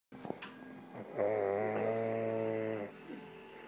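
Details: A single loud, buzzing, tonal snore on the in-breath, about two seconds long, between quieter breath sounds: snoring.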